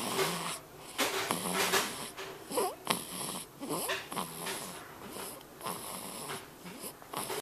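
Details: Baby boy snoring pretty loud, recorded with a Flip Video camera.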